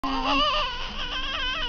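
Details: Newborn baby girl just after birth giving a strong, continuous, high-pitched wailing cry: newborn cry.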